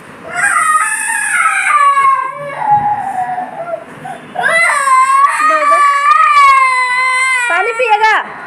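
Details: Young child crying in long, wailing, tonal bursts with brief pauses, wanting water after taking cough medicine.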